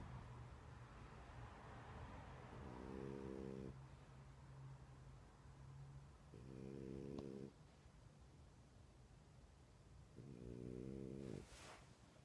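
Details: Sleeping dog snoring: three soft, buzzing snores about every four seconds, roughly 15 breaths a minute, over a low steady hum.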